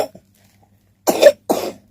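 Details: Young child gives two short, loose coughs with a brief sound at the start and quiet between.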